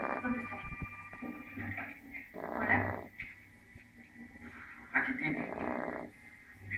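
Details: Pet snoring steadily in sleep: two long, rough breathing noises about three seconds apart.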